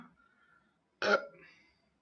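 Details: An adult woman burping after drinking soda: a single short, loud, rough burst from the throat, more like a burp than throat clearing, with faint voices around it.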